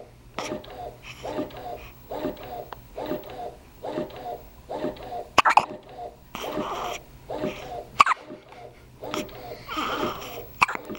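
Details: After a meal: repeated short, jerky voiced bursts with occasional sharp clicks in a steady rhythm; a run of hiccups.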